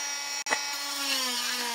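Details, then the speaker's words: Oscillating cast saw removing a long leg cast from a pediatric patient; the blade oscillates rather than spins. High, steady whining buzz as it cuts through the cast, with a brief break as the blade lifts off. "it's gonna be a little bit noisy but remember watch this the blade itself just oscillates it shakes back and forth really fast okay it doesn't spin around like the kind of saw that maybe your dad uses to cut wood right"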